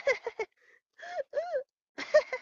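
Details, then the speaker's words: Imitation of a person's severe coughing: short cough bursts broken by drawn-out, high-pitched gasping inspirations, a whoop-like gasp from trying to breathe mid-cough. "그러니까 기침 도중에 숨을 쉬려고 하니까 그 숨 넘어가는 소리 알아 응"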